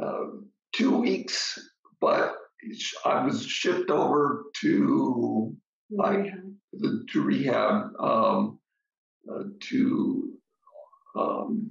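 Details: Adult man with aphasia after an ischemic stroke; the stroke was treated with TPA, which then caused a hemorrhagic stroke; he also reports brain fog; aphasia.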